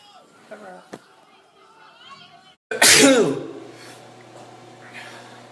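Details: Single sneeze: quiet room sounds, then one loud explosive sneeze with a sharp onset and a trailing voiced burst.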